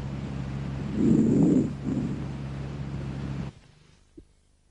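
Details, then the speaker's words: Normal vesicular breath sounds on chest auscultation through a stethoscope: soft, low rustling airflow that swells once and then fades. "entre los hallazgos normales se ausculta el soplo o respiración laringotraqueobronquitis la respiración o murmullo bronco vesicular no no o no o no el murmullo vesicular"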